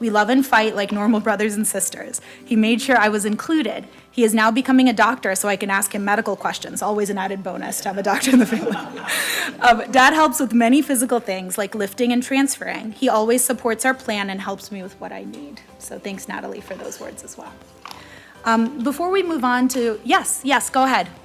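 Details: Adult woman; typical speech.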